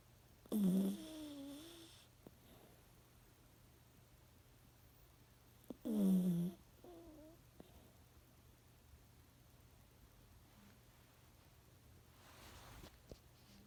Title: Part 2 Lulu Snoring